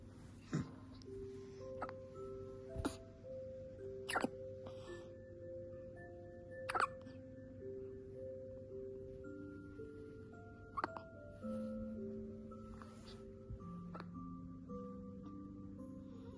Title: hiccups...